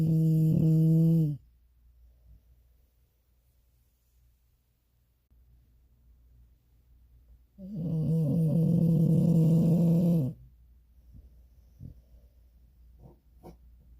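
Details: Dog snoring very loudly: two long, very loud, buzzing tonal snores separated by quiet.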